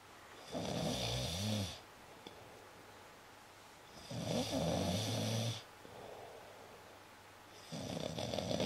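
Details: Loud, rough snores with a fluttering rattle, about three breath cycles in eight seconds, quiet room noise between; snoring.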